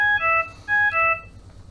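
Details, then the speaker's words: Trilogy Evo non-invasive ventilator alarm demonstration: repeating two-tone electronic alarm, an initial amber alarm escalating to a red alarm over therapy settings, sounding twice before being silenced. "so we're given a example here of how the alarms sound there was an initial amber alarm and the device was not pleased about a certain aspect of the therapy or its settings therefore it has given us an additional alarm in red"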